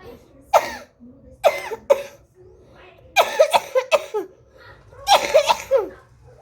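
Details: Child with night-time dry cough during cold weather, keeping the household awake: repeated short, dry coughs in bouts of one to five, with quiet pauses between.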